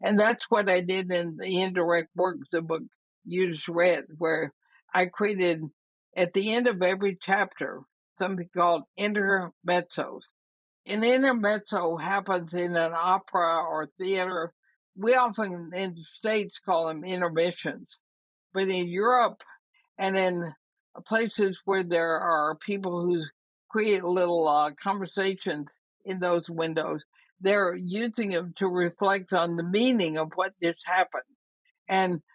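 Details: Woman about 80 years old with ALS (Lou Gehrig's disease), who says her speaking trouble is already considerable but she is still intelligible; dysarthria (ALS).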